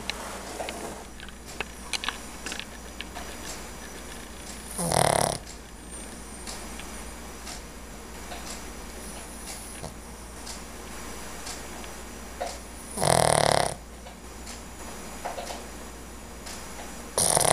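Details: Sleeping dog snoring while dreaming: two loud, rough snoring breaths about eight seconds apart over a steady low room hum; ordinary snoring.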